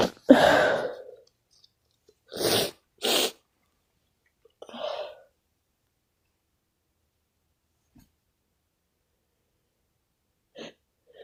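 A loud sneeze, then a quick pair of sneezes and a softer one, with faint sniffs after. A run of about four sneezes.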